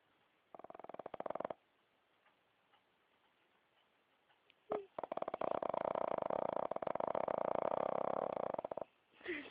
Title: snoring